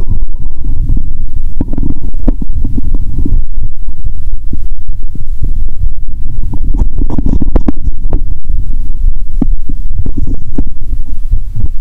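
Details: Stethoscope on the abdomen after drinking cola with Mentos, belly painful: loud, continuous low gurgling and rumbling with scattered pops, active bowel sounds (borborygmi).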